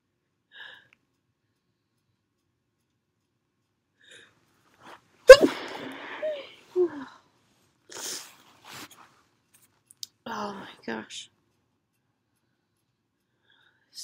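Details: Perfume-induced sneeze with a big buildup: quiet sniffs and gasps, then one sharp explosive sneeze, followed by catching breaths and a few smaller snorting, stuck sneezes.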